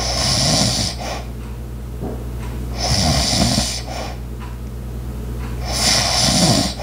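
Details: Light, rough snores recurring roughly every three seconds, with steady room hum and faint household sounds behind, such as an ice maker and clock; snoring.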